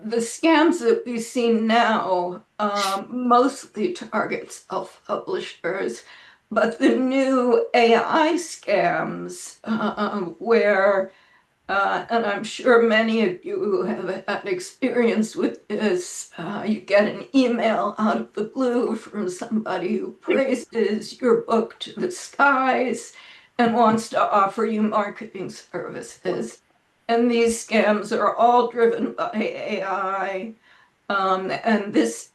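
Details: Adult woman with spasmodic dysphonia, self-reported; severity varies from day to day and she says this recording is on a not particularly good day; real, not acted; spasmodic dysphonia.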